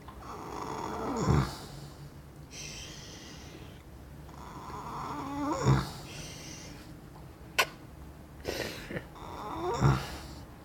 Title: horse snoring